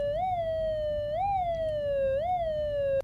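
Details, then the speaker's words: Toe pressure assessment with a Hideko ES100V3 Doppler on a supine, rested patient. The pulsing whoosh rises and falls at about 74 per minute as arterial flow returns to the toe while the cuff deflates at no more than 3 mmHg per second; the first signal returns at 125 mmHg. "Focus on both the Doppler screen and the pressure reading on the sphygmomanometer for an obvious visual return of the waveform. You will also notice a significant change in sound frequency when blood flow has returned."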